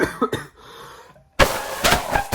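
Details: Adult currently ill with a respiratory illness caught a week earlier: several harsh, forceful coughs in two bursts separated by a brief pause, a short coughing fit.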